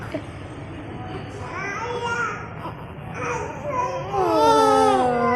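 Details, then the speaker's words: Newborn baby boy, just after caesarean birth, first recording as he is brought out and held by his grandmother: short whimpers building into a loud, clear crying wail with soft room talk; newborn cry. "ఆ hello వీడికి ఇంకా mummy గుర్తొచ్చింది నాన్న గుర్తొచ్చిండు ఒకటే ఏడవడం"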